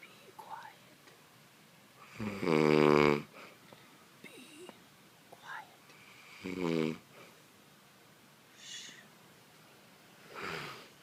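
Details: Two buzzing, throaty snores about four seconds apart, with softer breaths between and faint room noise; snoring.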